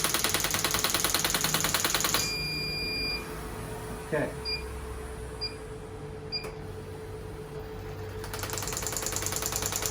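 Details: Rapid, even ticking pulses at about 200 a minute, with a pause, short beeps and a hum, from a shockwave therapy device treating a woman's heel pain at her third session, before Class 4 laser treatment.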